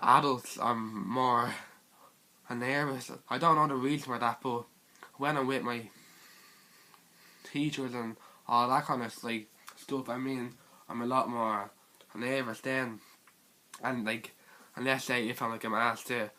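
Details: Teenage boy with stuttering.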